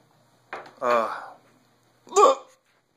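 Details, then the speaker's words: Hiccups, with speech possibly mentioning six hours: two short, voiced, sudden gulping catches about one and a half seconds apart. "good mohammed old me the video my hiccups I'm not trying to make him good you just come up"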